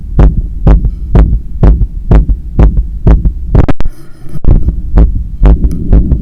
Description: Recording after running 10km outside and climbing up 15 floors of stairs to get home. My heart was visibly hammering inside…